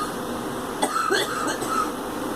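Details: Girl coughing: a few short, soft coughs over a steady background hiss.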